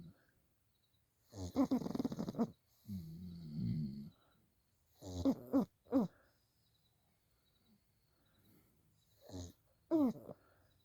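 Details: Pug sleeping and dreaming: irregular snorting snores mixed with brief whimpering sounds; snoring.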